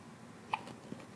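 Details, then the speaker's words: A single short, sharp hiccup with a faint second catch in a quiet room; ordinary hiccups in a boy who often had the hiccups. "Oh, the hiccups. He had the hiccups a lot"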